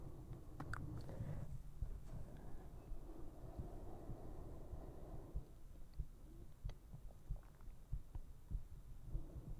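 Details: Heartbeat recorded for a no-talking ASMR sleep video; soft, regular low thumps at roughly 95 beats a minute with some rumbling noise; normal heart sounds.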